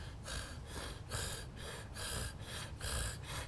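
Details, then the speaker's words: Adult imitating repeated snorting, noisy obstructed breathing as heard in children and adults with sleep apnea when enlarged, inflamed tonsils narrow the airway. "hacen ese ruido y normalmente la persona que tiene apnea del sueño está roncando ronca y se queda y ese es uno de los indicadores"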